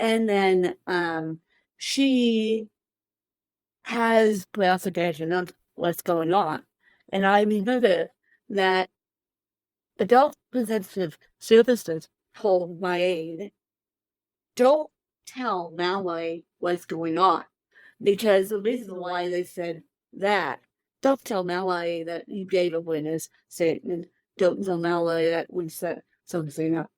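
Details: Dysarthria in an adult woman with cerebral palsy present from birth, born 13 weeks premature weighing one pound thirteen ounces; real, not acted.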